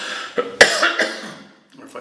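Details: About three short, harsh coughs in quick succession, with a throat-clearing quality, from an adult who is ill and had recently lost their voice.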